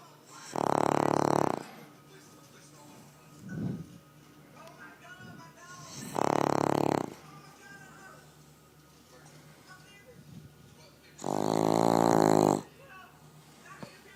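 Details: Gus, a large Boston Terrier (short-nosed dog), heavy snoring in sleep: three long, loud, rattling snores with quiet breathing between.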